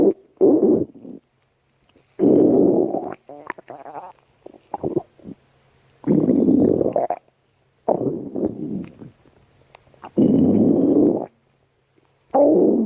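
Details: Repeated gurgling, rumbling bursts lasting about a second each, separated by quiet gaps; stomach growling, ordinary bowel sounds.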